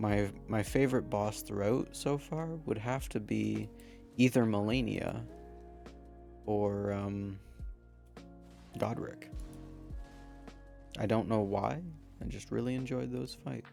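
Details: Man who says his stutter is part of him; stuttering.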